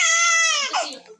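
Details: 3-month-old baby girl crying: one high, sustained cry that falls in pitch and fades within about a second.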